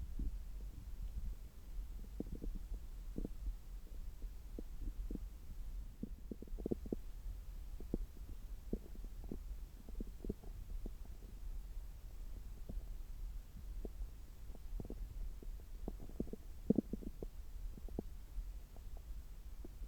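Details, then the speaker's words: Abdomen heard through a stethoscope about three hours after a meal, gut active: soft low rumbles with frequent brief gurgles and clicks; normal bowel sounds. "今は、食後3時間後ぐらいで、ちょうどお腹がよく動いている時間だと思います。"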